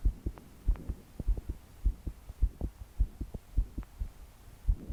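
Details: 22-year-old woman trying to sleep, body shaking with each beat, deep breaths not helping: strong, fast pounding heartbeat about 100 a minute, forceful paired thumps, with breathing and heavy rain behind.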